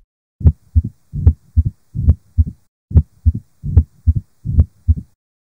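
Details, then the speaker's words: Real heart recording, patient with new atrial fibrillation, flushed face and tapping apex beat: heartbeat near 75 a minute, loud first sound, opening snap and mid-diastolic murmur; mitral stenosis. "Mitral stenosis ke karabo ye e nepagetšego ka gobane re na le classic mid diastolic murmur yeo e nago le go bulega snap le histori e re fa dikarolo - e ncha qala atrial fibrillation, flushed sefahleho e leng ho ka etsahala hore e le malar lekhopho le tapping apex beat."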